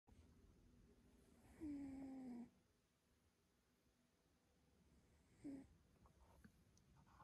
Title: Cat Snoring Very Loudly (iPhone 12 Pro Video Test)